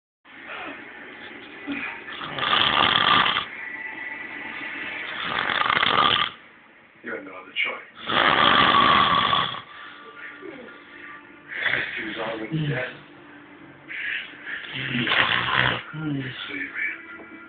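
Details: Measha, described as high, snoring: loud, rough, rattling snores repeating every few seconds over soft background noise and music; snoring.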